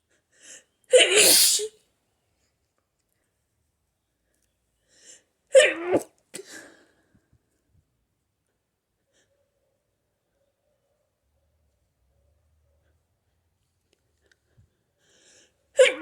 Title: Violent hayfever sneezes